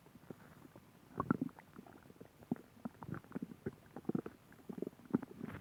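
Low gurgling and bubbling rumbles come and go in irregular bursts; ordinary stomach growling from gas and fluid moving through the gut.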